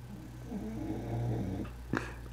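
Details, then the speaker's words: A resting pet snores loudly, described as "so loud": a low, rumbling, growl-like drone with a brief sharp noise near the end: snoring. "Can you hear Jack snoring?"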